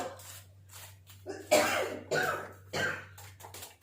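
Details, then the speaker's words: A woman, the speaker's mother, coughing heavily in a home kitchen; described as a bad cough. "നല്ല ചുമയാണ് അമ്മയാണ് ചുമക്കുന്നത്"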